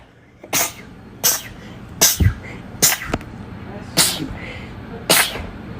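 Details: Rapid repeated sneezing, continuing for about three minutes straight.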